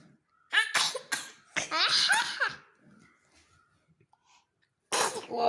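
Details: Two small, sharp, breathy sneezes from an infant close together, with a third starting at the end; ordinary baby sneezes.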